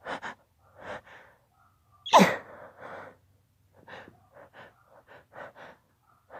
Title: Holdback sneezes